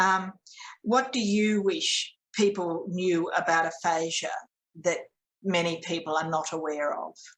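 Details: Adult woman speaking; no speech disorder.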